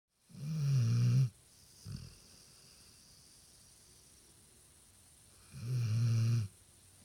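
Two loud, low rumbling snores about five seconds apart, with a faint snort between them; ordinary snoring.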